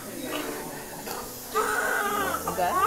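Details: Newborn boy, 6 lb 14.4 oz, delivered by planned C-section at 7 a.m.; mother had hypertension late in pregnancy. A high, wavering cry starts midway after quieter room sounds: a normal newborn cry.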